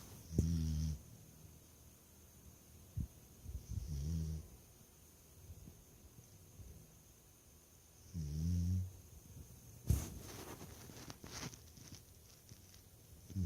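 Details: Bully dog snoring compilation: low rumbling snores in about three bursts amid quiet breathing, with a few snorts and snuffles.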